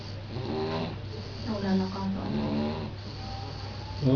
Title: snoring baby